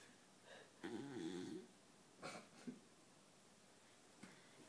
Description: Our dog Dixie snoring and twitching